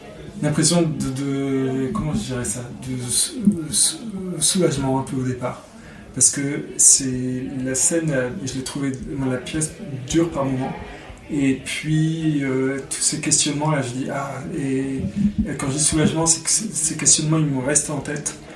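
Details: Adult male performer who has stuttered since about age 5, worsening in adolescence around 16. Stuttering.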